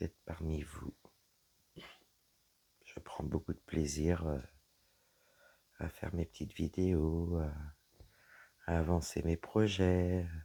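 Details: Woman with dysphonia after a serious health problem damaged her vocal cords; her voice is lower than before, at times weak, and she cannot speak loudly; low-pitched, creaky voice.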